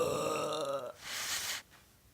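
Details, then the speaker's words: A girl's long, voiced, rumbling belch during a burping challenge, then a brief breathy exhale; a deliberate loud burp. "Burp. Big whoop. Whoa! That was like a world record."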